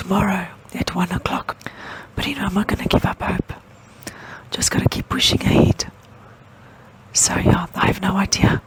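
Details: Woman with permanent unilateral vocal cord paralysis from nerves severed in neck surgery complications, diagnosed January 2017; glottal incompetence lets air escape, giving breathy dysphonia.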